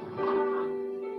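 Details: Stridor in a pediatric patient, presented as a sign of respiratory failure.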